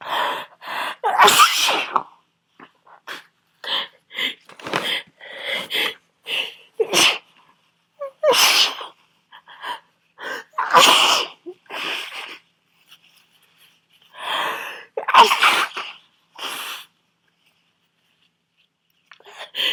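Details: Sneezing from a common cold, which the person says is impossible to control and happens about every two hours: many forceful, very messy sneezes in quick succession with gasping breaths, counted into the twenties.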